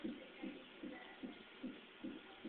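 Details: Fetal heartbeat recorded at hospital on fetal Doppler monitor; fast, regular whooshing pulses about 150 beats per minute, a normal fetal rate.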